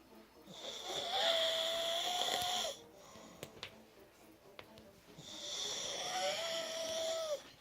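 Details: Adult woman snoring: two long, loud, tonal snores on the in-breath with a whistling edge, separated by a quiet pause; ordinary snoring.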